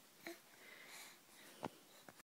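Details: 9-month-old infant, laughing at own hiccups: three brief, sharp catches in breathing in a quiet room; hiccups.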